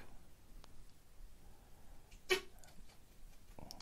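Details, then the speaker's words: Single tiny, sharp sneeze from a small male pet that is carried in a bag, in a quiet room with faint room noise; owner remarks on its little sneezes. "you hear that? Little sneezes."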